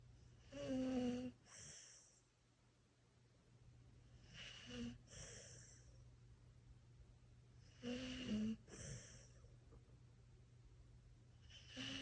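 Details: A 17.95-year-old dog snoring during sleep: rough, fluttering snores about every four seconds, each followed by a hissing outbreath, with faint room hum.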